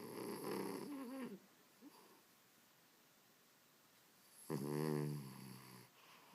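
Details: A sleeping dog in a small room gives two rattling, buzzy snores separated by a quiet pause; the snoring reportedly never stops. Snoring.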